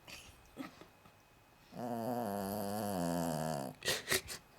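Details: Loud snoring from a ~9-month-old female Cavalier King Charles Spaniel, on her first day together with another dog: a long, drawn-out, low-toned rattling breath, then brief snorts.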